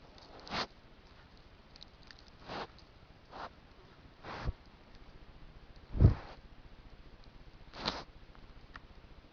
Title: Trail cam video compilation: Includes buck having a sneezing fit